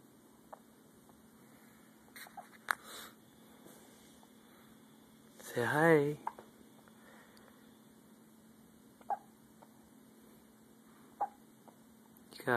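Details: Infant son's first hiccups: several small, sharp hiccup sounds spaced seconds apart, with a brief vocal sound in between.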